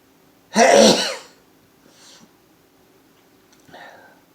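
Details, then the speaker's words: Adult man's morning sneezing fit after waking from eight hours' sleep: one loud, forceful sneeze followed by soft breaths in a quiet room. "I'm all sneezy oh I'm all sneezy there's weird I've slept on it for eight hours so hey"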